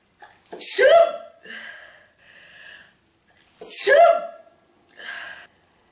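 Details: Woman's prolonged sneezing fit of about 46 sneezes: two forceful sneezes, each with a sharp intake and a voiced burst.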